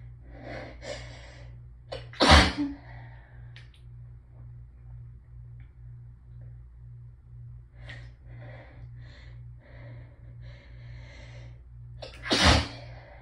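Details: Hay fever sneezing in someone who had felt it building all day, nose raw from rubbing: two forceful sneezes, each preceded by hitching breaths, with sniffing between them over a steady hum.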